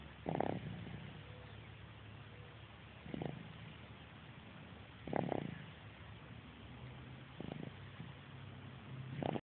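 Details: Afternoon sleep: soft, irregular snorting breath noises every few seconds over low background hum; light snoring.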